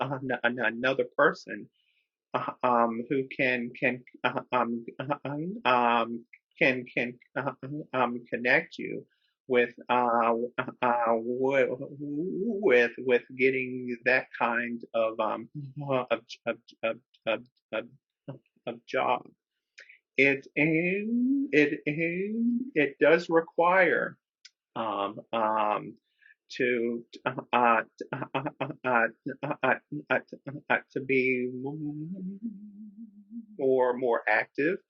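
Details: Adult man who stutters, speaking with repetitions, interjections and pauses while co-hosting a webinar: stuttering.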